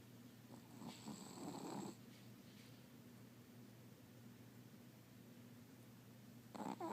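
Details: Sleeping Chihuahua, dreaming and snoring very loudly: two rattling snoring breaths with a quiet pause between, over a low room hum.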